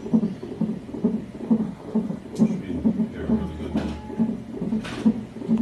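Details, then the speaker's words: Fetal heartbeat of a breech baby girl on a Doppler monitor during admission for an ECV procedure: steady whooshing, about 133 beats a minute, louder than earlier. "That's her heartbeat you hear. It wasn't so loud earlier."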